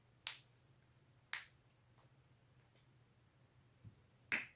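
Several sharp, isolated cracking pops over a quiet background hum; joint cracking from self-manipulation of the neck and back.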